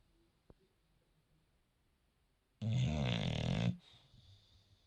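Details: Bulldog snoring: one loud, rattling snore lasting about a second, then a quiet, wheezy exhale, typical of a flat-faced dog.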